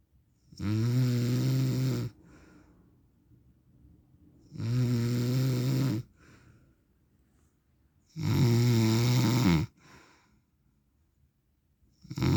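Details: Adult man (described as husband, also as dad) snoring in sleep: loud rattling snores on each in-breath, about 16 a minute, with quiet out-breaths; heavy snoring.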